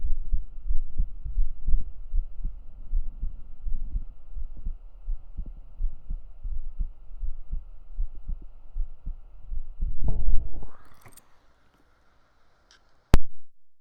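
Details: Real adult heartbeat recorded close against the chest with binaural microphones: deep, muffled, steady low thumps. Normal heartbeat.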